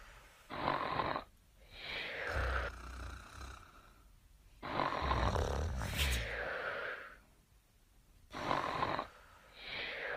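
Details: A sleeping wombat snores with repeated rough, noisy breaths and some low rumbling.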